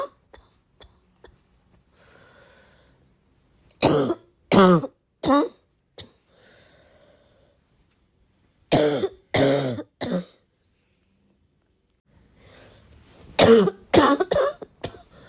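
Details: A cough: three bouts of harsh, explosive coughs, about ten in all, with quiet breathing between them.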